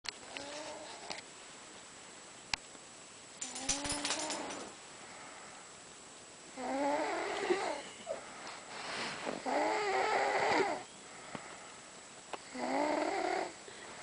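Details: Several rough, rattling breath sounds in a quiet room, repeating every couple of seconds; snoring.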